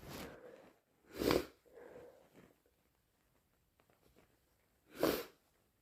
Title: More induced hayfever sneezes